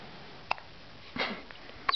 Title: 3 days old baby hiccup